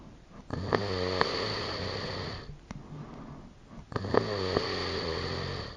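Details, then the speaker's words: Heavy snoring described as a "dust buster," noted as possibly a sign of sleep apnea: two loud, harsh, rattling inspiratory snores about three seconds apart, each with a whining, vacuum-like quality. "wake up to this we call that snore the dustbuster while snoring can be a funny topic it can also be a sign of sleep apnea a serious medical condition"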